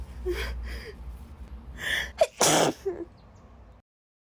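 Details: Female sneezing fit on the beach, set off unexpectedly by a drink: a quick run of sneezes with sharp inhaled catches, ending in one loud explosive sneeze.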